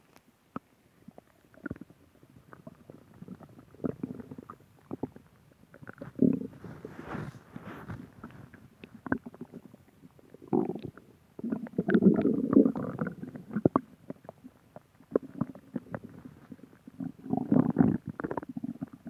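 Irregular gurgling and rumbling bursts from the abdomen, ordinary stomach growling from gas and fluid moving through the gut.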